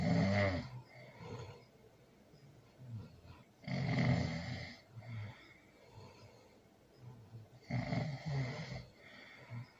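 Loud, rough snores about every four seconds, roughly 15 a minute, with softer breathing between. Heavy snoring during sleep.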